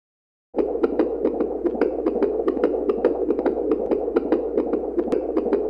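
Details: Fetal heartbeat on a Doppler baby heart monitor, a stock sound effect: rapid, regular whooshing pulses at about 146 beats a minute.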